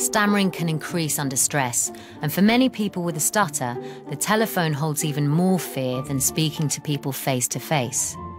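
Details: Adult narrator; normal speech.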